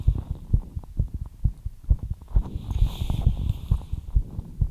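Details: Quick, regular thudding beats roughly 130 a minute; heart racing after light exercise.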